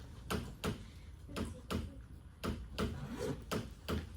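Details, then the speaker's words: Imitated normal heart sounds in a cardiology class: paired wooden knocks, about 57 pairs a minute, representing S1 (atrioventricular valve closure) and S2 (semilunar valve closure), as heard on auscultation. "Por eso cuando uno ausculta ruidos cardíacos, usted tendría que escuchar algo así."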